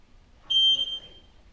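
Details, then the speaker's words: ENVELLA air-fluidized hospital therapy bed, unoccupied, with the scale being zeroed: a single high, steady electronic beep about half a second long, confirming the scale has calibrated and zeroed. "tells me to let go of the bed and the scale is calibrating"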